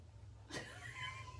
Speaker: my stomach's growling too I'm surprised yall can't hear it